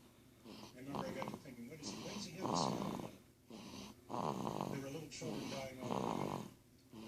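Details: 1-month-old baby asleep, with repeated soft, rattling snoring noises on each breath in a quiet room: infant snoring.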